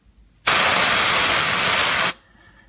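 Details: Liquid nitrogen cryotherapy spray on a child's common warts, a repeat treatment after earlier treatment failed. A steady loud hiss lasting under two seconds, then quiet. The warts are possibly deeper than thought, and the treatment stung.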